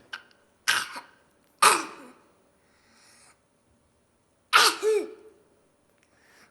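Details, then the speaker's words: Child's forced, fake cough, the kind children put on to be taken to the doctor: three abrupt dry bursts with quiet gaps, the last ending in a voiced tail. "Yani zorlama yani doktora gideyim doktorumu bazen böyle öksürüyorlar çocuklar bu yalancı öksürük dediğimiz sempatik öksürüklerden Birisi"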